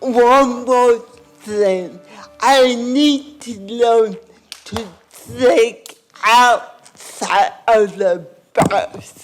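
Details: Dysarthria in an adult woman with cerebral palsy; she first spoke at age four and in childhood only her sister could understand her; finding: dysarthria (cerebral palsy).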